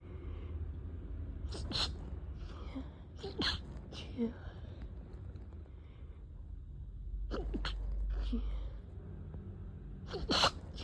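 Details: Stifled sneezes turning into full ones: several sharp, clipped, partly held-back sneezes in quick pairs, ending with a fuller sneeze; repeated sneezing.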